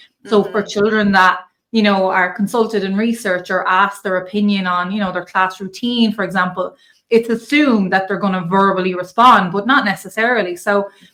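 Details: Adult woman speaking; ordinary fluent speech.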